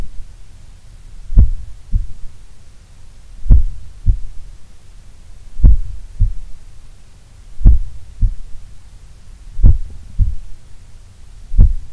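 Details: A person relaxing at rest in a sun room, at probably the lowest resting heart rate they have recorded, has deep, regular heartbeats at about 30 a minute with long quiet gaps: a slow, relaxed resting heartbeat.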